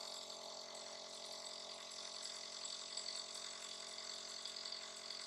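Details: A nebulizer used by Mom as a breathing aid for little Dobi, who coughs and sneezes: a steady high-pitched hiss with a faint hum as it delivers mist.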